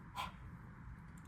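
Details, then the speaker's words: Patient performs a huff cough, like fogging a mirror, to expel sputum, coached by a student physical therapist during an airway clearance and breathing technique session. "we want a nice Huff cough so it's like you're like fogging up your mirror can you try that good but so if you ever feel like anything's coming up I want you to expel of it because we don't want to reallow that down into your lungs or anything"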